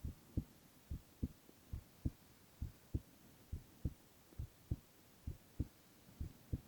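Soft, steady low thumps at about 67 beats a minute with no added noises; normal heartbeat.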